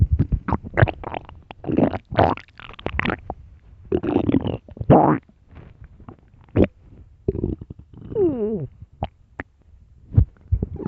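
Loud, gurgling, rumbling stomach growls come in bursts, some with squeaky gliding tones. These are ordinary hunger sounds from gas and fluid moving in the gut.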